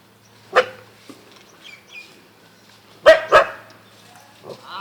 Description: This dog sneezes atleast 200 times a day